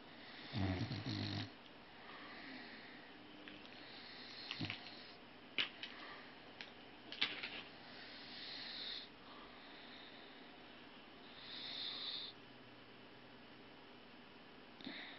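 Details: Soft intermittent snores with one louder rattling snore, faint snuffles and clicks in a quiet room: snoring.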